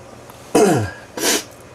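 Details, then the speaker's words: Adult with a cold gives a voiced throat-clearing cough followed by a second short, harsh cough: cough and throat clearing. "folks I have a cold so you'll hear me snuffling and coughing and clearing my throat"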